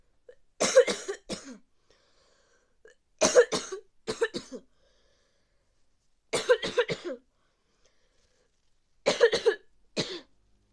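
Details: Four bouts of harsh, repeated coughs, two to four coughs per bout, in a person with a bad cold; cough due to common cold.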